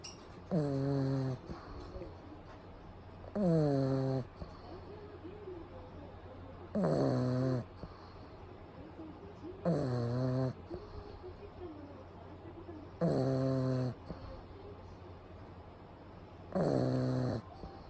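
Loud, rattling snores on each breath, about six in eighteen seconds, roughly 19 a minute; a flat-faced dog snoring while asleep.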